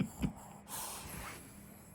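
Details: A small dog snoring while sleeping: two short nasal snorts, then a long, noisy rushing breath in a quiet room.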